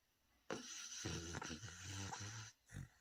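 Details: Dog sleeping and snoring loudly: a long rattling, buzzing breath of about two seconds, then a shorter one.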